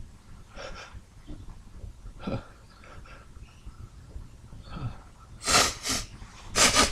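Repeated wheezy, snorting intakes and half-started sneezes that do not fully release, ending in a few forceful sneeze bursts; stuck sneezes in a sneezing fit.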